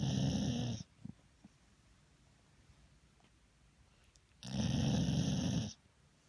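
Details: Sleeping pit bull: two loud, rough, rattling snoring breaths a few seconds apart with quiet breathing between. Snoring.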